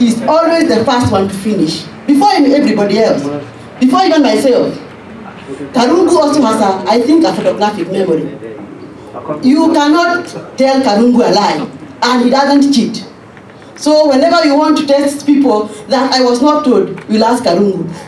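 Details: Adult woman speaking; Typical speech.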